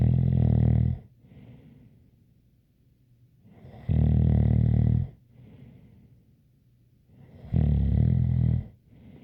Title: Snoring Sounds ZZzzz with a light whistle